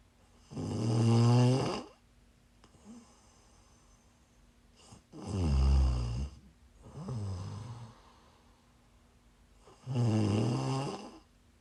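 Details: Person sleeping while sick, loud, low rattling snores on inhalation with softer sounds between, about 13 per minute, in a quiet room: snoring.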